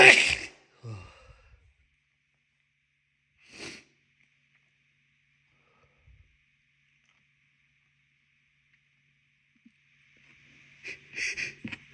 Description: Ugh, my nose tickles so much but it felt good to let these out.